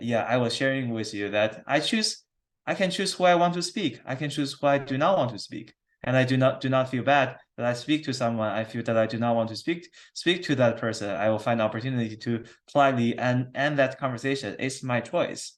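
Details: Adult who stutters, interviewed by his speech therapist: stuttering.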